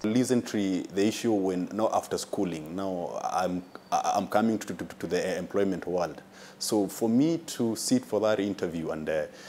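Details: Adult man who lives with a stammer; stuttering.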